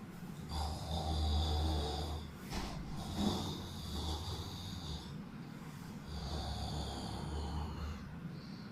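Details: Deep, rough snores repeating with each breath, a low rumbling vibration with some snorting: snoring.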